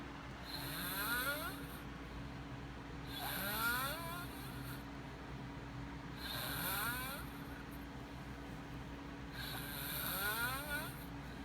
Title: boy snoring